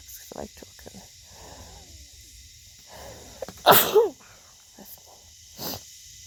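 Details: A loud single sneeze with a sharp burst after a short intake, amid quiet breathing and faint background sounds.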